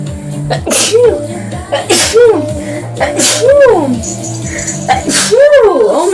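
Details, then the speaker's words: Four sneezes in quick succession over background music, from a streamer who attributes them to allergies acting up; sneezing. "excuse me oh no the allergies are acting up guys"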